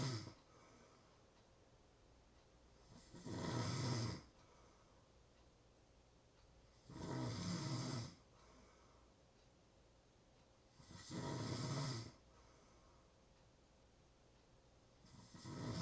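Rough, fluttering snores about every four seconds, roughly 15 breaths a minute, with quiet pauses between them in a still room: steady snoring.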